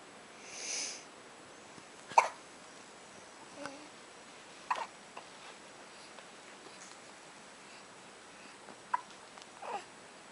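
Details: Baby girl (born December 2011) hiccuping at 2:30 a.m. after an early-morning feeding while looking up at her father: several brief, sharp, spaced catches of breath in a quiet room, each a hiccup.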